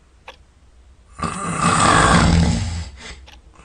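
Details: Sleeping at night, sound asleep and snoring all night: one loud, rough, rattling inspiratory snore about a second and a half long in a quiet room; ordinary snoring.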